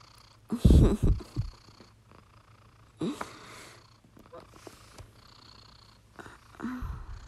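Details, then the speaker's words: 4-year-old female cat sleeping on her owner's shoulder: low rumbling, snorty breaths in uneven bursts with quiet gaps; cat snoring. "Ang lakas ng hilik mo, Oreo."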